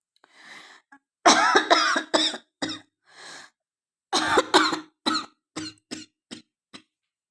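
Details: Woman with a cough who says her throat is hoarse and her voice has changed: about a dozen harsh coughs in quick clusters with a few faint breaths between; repeated coughing with a rough, irritated throat.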